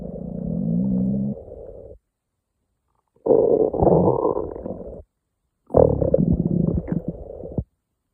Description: I woke up one morning, and my stomach was going crazy!